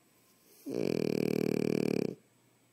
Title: Snores